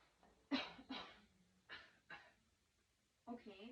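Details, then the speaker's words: Post-surgical patient doing a deep breathing and coughing exercise with a pillow splinted against the incision: short, deliberate coughs in pairs with quiet pauses; splinted cough. "Can you go ahead and grab your pillow and put it against your incision where you had, I know you had a surgery, and go ahead and breathe through your nose and then hold your pillow wherever you had the incision."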